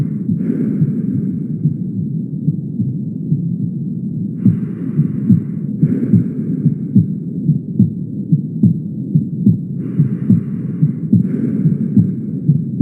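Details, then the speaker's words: Heart sounds in mitral stenosis, regular at about 72 a minute. A gallop-like opening snap follows the second sound and mimics a split or third sound, before a low rumbling diastolic murmur: mitral stenosis murmur with opening snap. "noten que ahí se escucha como si fuera un galope no en realidad lo que están escuchando es el el sonido número dos con el con el chasquido de apertura como si fuera una disociación como si fuera un tercer ruido"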